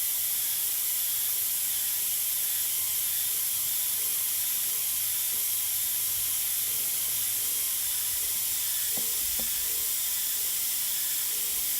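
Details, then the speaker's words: Pilot-hole drilling in bone for a small diameter dental implant, with cooling irrigation to avoid excess heat: steady high hiss of water spray over a faint whirring drill. "excessive heat generated during drilling should be avoided since it destroys the bone cells and can lead to failure of the implant"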